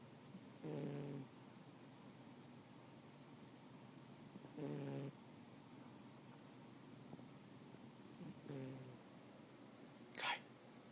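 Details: Dog named Kai: three slow, rattling snores in about eleven seconds, about 15 a minute, then a brief sharper noise; ordinary dog snoring.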